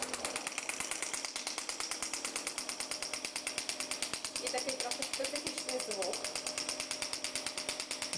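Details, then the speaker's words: Shockwave therapy device for back pain working on tense back muscles, said to be slightly painful at first: rapid, steady mechanical tapping about three pulses a second, with faint talk behind. "Відчув напружені м'язи. Зараз я попрацюю по ним. Спочатку буде трошки болюче, але потім біль буде розчинятися."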